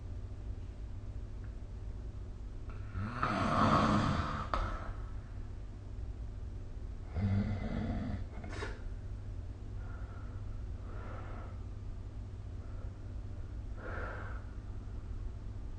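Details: Sleeper recorded with a snoring-tracking phone app gives rough, rattling snores every few seconds, two loud and two softer, over a low steady hum: snoring.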